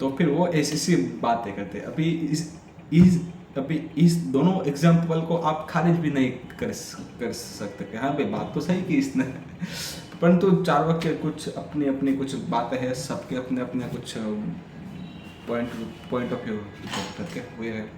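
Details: Adult man who stammers, on Day 6 of a daily stammering practice routine (breathing, vowel, tongue and lip exercises, tongue twisters, story telling), telling a story in Hindi; stammering.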